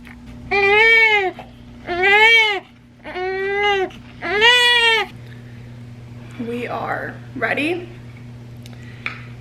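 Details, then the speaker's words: Newborn boy crying during a clothes change he dislikes: four loud rising-falling cry bursts, then quieter fussing whimpers over a steady room hum; ordinary fussy infant crying. "had a little fit when we changed his clothes. He doesn't like his clothes changed."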